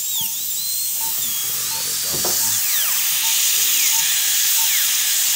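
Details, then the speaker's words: High-speed dental drill with a green stripe bur making interproximal reduction to clear the contact in a stainless steel crown prep after pulpotomy: high-pitched whine with soft intermittent beeps. "And I will prep interproximally. you have to clear the contact."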